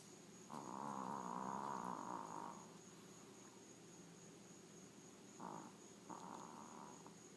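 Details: Sleeping Maltese dog makes loud snoring noises despite its tiny size. Snoring.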